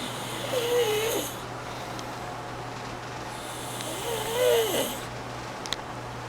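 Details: Nephew sleeping and snoring loudly: two slow, rattling breaths with a wavering tone in a quiet room with a steady low hum.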